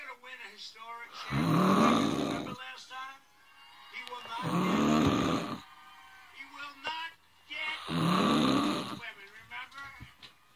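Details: Person filmed snoring while asleep: three loud, rough, rattling breaths about three seconds apart, near 19 a minute, with quieter sounds between; snoring.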